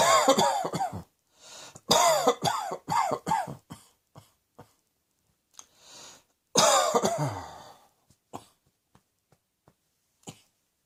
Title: Cross Dressing Coughing 71